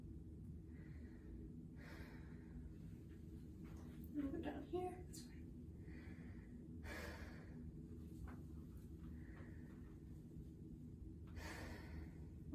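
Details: Student nurse's respiratory assessment of a healthy chest; patient takes slow, even breaths in and out through the mouth about every five seconds over room hum, unlabored with no added sounds; normal breath sounds.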